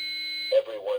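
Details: Child AED demonstration with pediatric-appropriate pads on the right upper chest and left mid-axillary line: steady high electronic tone then a brief voice, the shock-ready alert telling rescuers not to touch the patient before shocking.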